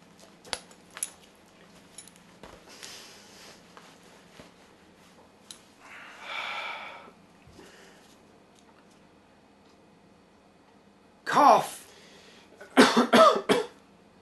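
An adult acts out a short cough, then a quick run of about three coughs, in a quiet room.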